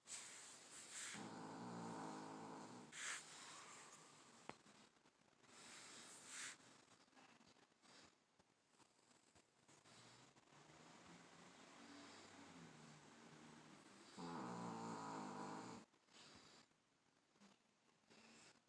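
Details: Sleeping dog: intermittent rough, rattling snoring breaths with softer gaps in a quiet room; dog snoring.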